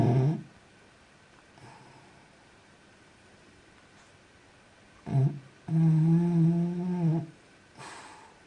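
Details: French bulldog snoring while sleeping, young at the time, snored so loudly the walls shook: short snorts and a long, droning, buzzy snore between quiet pauses; snoring in a flat-faced dog.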